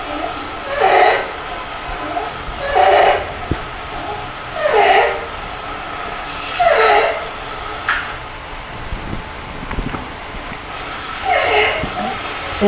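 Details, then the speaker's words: Croup (pediatric laryngotracheitis): harsh, noisy stridorous breathing recurring about every two seconds, roughly 30 a minute, with barky harsh respiratory noise, illustrating dysphonia, croupy cough, laryngeal stridor and respiratory distress. "Lo segundo, la disfonía, la tos grupal, el estridor laríngeo y la dificultad respiratoria."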